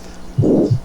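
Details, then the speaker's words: Aortic stenosis: soft first sound, then harsh rhomboid (rising-and-falling) systolic murmur masking an opening click and running up to a diminished, soft second sound, with prolonged isovolumetric contraction and clean diastole. "esos son los datos biológicos de la estenosis de la válvula aórtica y vamos ahora a escucharlo"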